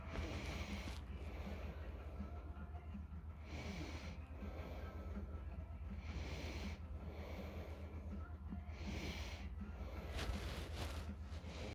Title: Analog Orange quiet snore...